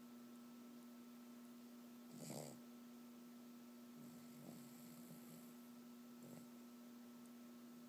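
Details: Sleeping dog snoring: three soft, rough snoring breaths about two seconds apart over a steady electrical hum in a quiet room.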